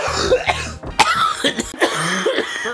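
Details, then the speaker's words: Run of harsh, rough coughs and throat clearing over about three seconds from an adult, called a long cough that should be checked by a doctor, with faint room background. "that's a long cough dude i do you should get that checked out let's see a doctor"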